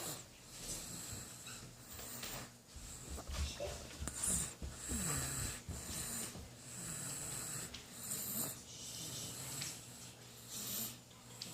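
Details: A 4.5-month-old baby asleep makes repeated soft, rattly snorting breaths with some whistly noise: infant snoring.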